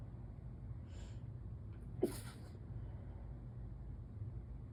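A short intake of breath, then one muffled, held-back sneeze over a steady low background hum.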